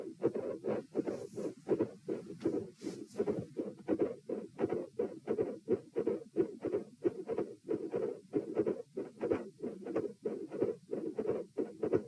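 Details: Heart auscultation at position T during a posture stress test (lying, sitting, standing, lying): midsystolic murmur with split S2, murmur also at S2.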